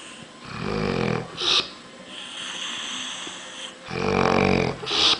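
Loud, rattling snores on breathing in, two cycles over five seconds, each followed by a short snort: heavy snoring.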